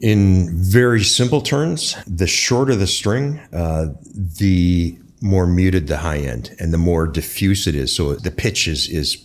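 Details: Adult male speaker; normal speech.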